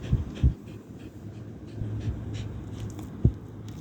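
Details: Rapid, noisy panting with a few soft whimpers from a pregnant dog on day 56 of pregnancy; heavy breathing in late pregnancy.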